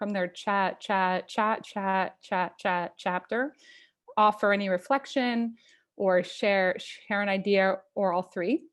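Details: Stuttering in an adult who stutters, opening a live online stuttering community event, with sound repetitions audible.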